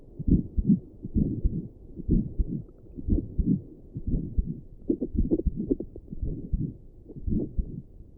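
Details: Own heartbeat at rest, sitting at a desk, recorded with doppler plus stethoscope, visible neck pulse: steady low thumping with pulsing doppler swish, about 70 beats a minute; normal heartbeat.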